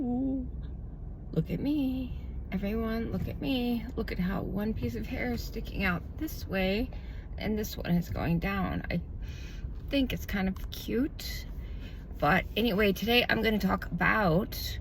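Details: Adult woman with self-reported spasmodic dysphonia, diagnosed about 2–3 years ago, which she says tends to progress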